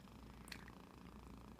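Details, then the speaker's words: A pet armadillo, fast asleep in a person's lap, makes snoring sounds: snoring. "He's now snoring."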